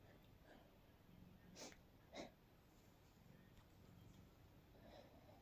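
Two quiet, muffled bursts close together over faint room hiss, heard as stifled sneezes.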